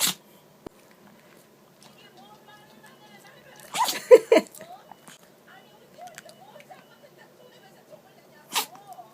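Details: Chihuahua sneezing nonstop after pressing its nose into the carpet and sniffing, so something fine seems to have got into its nose; a few short, sharp snorting sneezes with snuffling between them; repeated sneezing.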